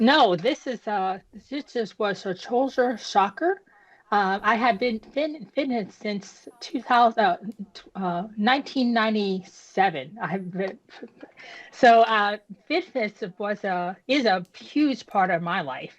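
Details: Woman with aphasia and apraxia of speech after a stroke at age 36 that damaged about a third of her brain, including the speech center; initially unable to speak, with right-side paralysis; residual effect on speech persists.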